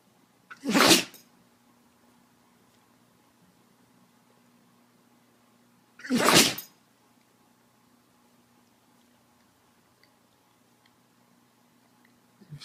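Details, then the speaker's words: Dog having sneezed about 12 times: two sharp, explosive sneezes several seconds apart in a quiet room with faint steady hum. "sneezed about 12 times now."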